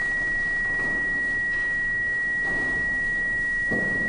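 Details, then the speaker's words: Simulated clinical scenario: a heart monitor alarm keeps sounding, a steady high-pitched tone, during a sedated procedure on a patient with very low blood pressure, an erratic rhythm and frequent PVCs, including a run of 13; cardiac monitor alarm. "do you not hear that alarm on the heart monitor that keeps going off he just had a run of 13 PVCs"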